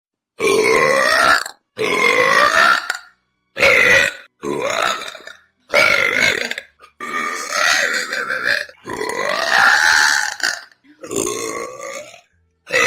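A woman belches loudly about nine times, each a long, voiced, resonant burp with brief pauses between.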